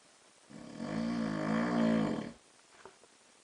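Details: Adult man (husband) snoring during sleep at night in a dark room: one loud, rough, vibrating inspiratory snore lasting about two seconds, followed by quiet.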